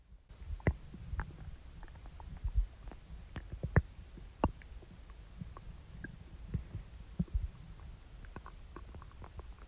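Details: Low rumbling with scattered soft clicks and gurgles over a steady hiss; ordinary stomach rumbling (borborygmi) after eating.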